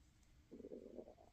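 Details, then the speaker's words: An adult's stomach rumbling during a crochet tutorial: a soft, low gurgling rumble that rises and wavers for under a second over quiet room noise; normal bowel sounds, borborygmi. "I do apologize if you can hear my tummy rumbling and grumbling and"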